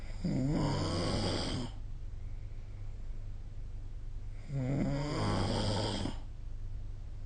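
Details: Two loud, rough, rattling inspiratory snores about four seconds apart over steady background hiss; ordinary snoring during sleep, recorded with the SnoreLab app.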